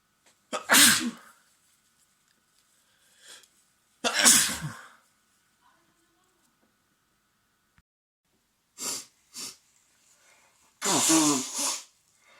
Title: Sick boyfriend's wet sneezes at home continue (M) | noseblowing | sniffling